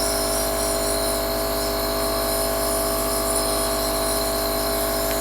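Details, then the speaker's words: A nebulizer used with saline solution for sinus congestion and suspected mold in the sinuses, just switched on: loud, steady mechanical hum and buzz of the compressor running continuously. "I'll turn it on so you guys can hear and see what it looks like."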